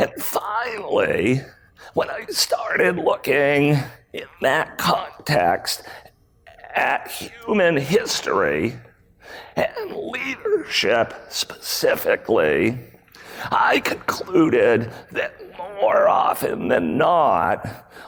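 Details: Male CEO with spasmodic dysphonia, a rare voice disorder acquired in 2010; throat muscles spasm and contract when he talks, sometimes making speaking difficult; speaking at a 2018 keynote, about eight years after onset.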